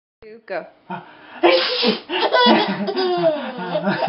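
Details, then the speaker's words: Father sneezing, several sharp voiced bursts run together in a small room; real sneezes that a 6-month-old baby found hilarious. "Yep, I really sneezed and she lost it, so. Well, no, sneezing is funny."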